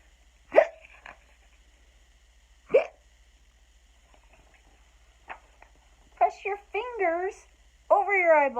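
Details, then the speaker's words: Adult imitating hiccups while reading a children's story aloud: two abrupt, sharp hiccup-like vocal sounds, then spoken words; simulated hiccups. "But nothing worked. The hiccups stayed."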